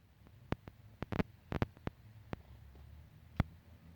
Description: This poor hen got the hiccups, it was both hilarious & sad at the same time.